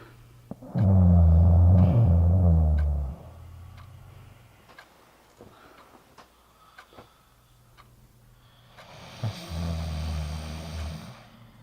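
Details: Simulated snoring from a short film: two deep, rumbling snores of a sleeping partner, the first long and loud, with faint clicks and room noise between.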